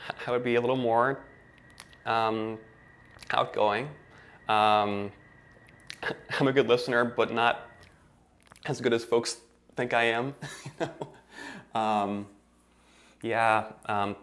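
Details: Male speech before a 12-day intensive stuttering therapy program; stuttering.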